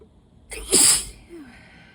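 One loud, wet sneeze with a short indrawn breath before it, from allergies.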